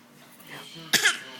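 A child gives one short, forced cough burst on request, an imitated cough rather than an illness cough.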